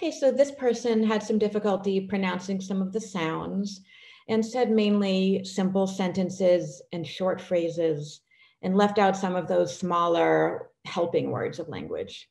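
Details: Adult woman speaking; normal speech.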